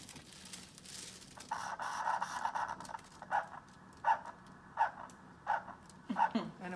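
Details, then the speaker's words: Training demonstration of a handheld Doppler on the top of the foot, probe held at an angle: rhythmic whooshing pulses at about 80 a minute after probe noise, a strong, normal arterial pulse. "i'm right on it and she's got a really nice strong pulse"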